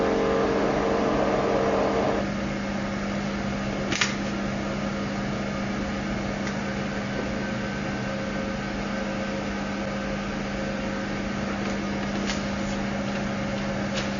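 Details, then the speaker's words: CO2 fractional laser machine for skin resurfacing, treatment started with the foot pedal after setting and previewing the shape on the surface: steady hum with fan-like whir, a tone stopping early and a few faint clicks. "Now let's start the treatment. After setting, we step on the foot pedal to start the operation."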